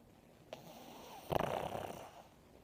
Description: Bobby, the Pug is dreaming and snoring